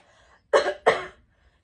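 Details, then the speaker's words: Adult demonstrating coughing with a hand under the navel to check abdominal and pelvic-floor response, in a urinary-leakage context: two deliberate, sharp coughs with no sign of illness; voluntary cough. "tu as des fit urinaires pendant que tu tousses j'ai la solution premièrement vérifie comment se comporte ton ventre quand tu tousses mets ta main sous le nombril et tousse"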